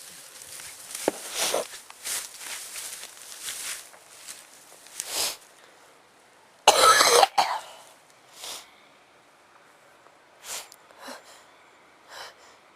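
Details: Person with frequent allergic sneezing from flowers, dust or plants, and an itchy mouth: repeated short coughs and throat clearing, one loud explosive burst midway, then softer coughs.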